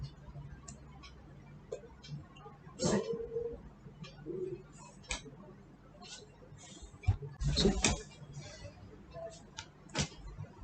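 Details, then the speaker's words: Nasogastric tube position check in a skills-lab demonstration: 10 cc of air pushed by syringe while auscultating over the xiphisternum, giving two brief rushing whooshes amid handling clicks, confirming the tube is in the stomach. "When you auscultate it on the xiphisternum area, you can hear a gush of air. Here my colleague will demonstrate how to auscultate the gush of air."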